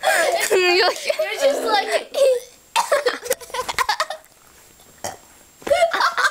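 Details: Woman burping: a long voiced belch followed by giggling and laughter, with short further belch-like sounds.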